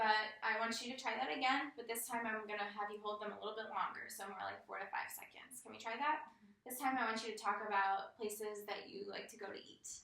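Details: Adult woman, clinician; normal speech.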